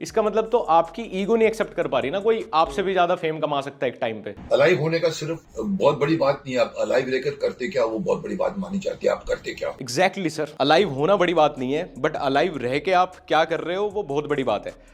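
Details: Adult male speakers, conversational Hindi; typical speech.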